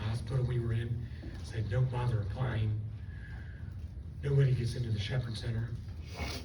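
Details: Adult woman after stroke with left vocal fold paralysis and one working fold; the folds do not seal, so she takes breaths while talking. She also has swallowing loss and left facial paralysis. Dysphonia from unilateral vocal fold paralysis.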